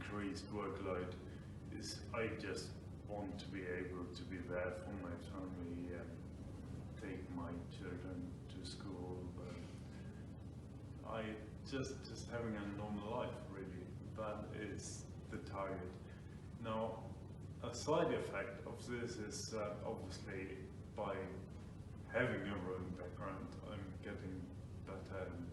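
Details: Man with Friedreich's ataxia diagnosed about five years earlier; ataxic dysarthria.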